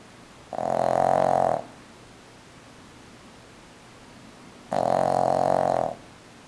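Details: Two drawn-out, buzzing, tonal snoring breaths about four seconds apart, with quiet between them; snoring.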